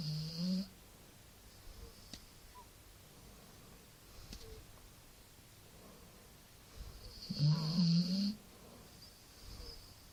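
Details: Pet bullies snoring at 2 am, keeping the owner awake: two soft, low snoring sounds with quiet breathing between, over faint room hum. Snoring.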